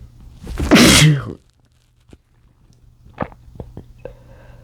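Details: Adult male sneezing after inhaling chikni sneezing powder, trying to stifle it: one loud, forceful sneeze burst, then a few quiet clicks and sniffing in a small room; sneeze.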